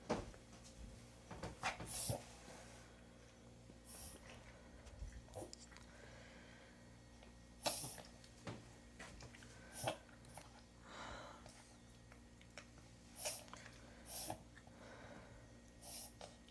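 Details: Dog named Bea breathing hard: repeated noisy snorting breaths with airy bursts over a low room hum; laboured breathing.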